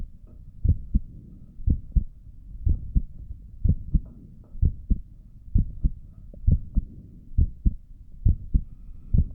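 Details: Stethoscope recording of an adult's own heartbeat while sitting at a desk for five minutes, with a visible neck pulse: steady paired lub-dub at about 65 a minute with a faint low hum. Normal heart sounds at rest.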